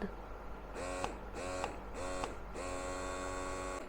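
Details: Roboson wearable electric breast pump on its third, mixed mode combining stimulation and expression (speed adjustable up to level 9): a buzzing motor hum pulsing in short cycles, about 100 a minute, then a longer sustained run.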